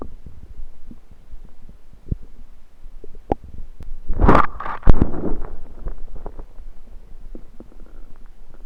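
Low gurgling and rumbling with a louder bubbling surge midway, ordinary stomach rumbling from gas and fluid moving through the gut.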